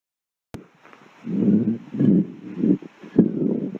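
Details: Stomach growling compilation: low rumbling, gurgling bursts in waves with one sharp click early on; hunger-related borborygmi, a normal bowel sound.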